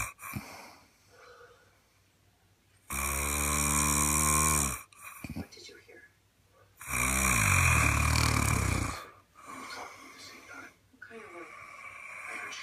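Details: Heavy snoring: two loud, rattling inhaled snores of about two seconds each, with quiet breathing between them.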